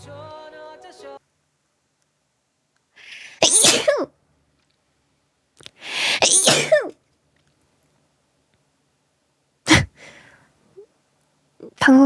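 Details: Compilation of sneezes from a VTuber streamer.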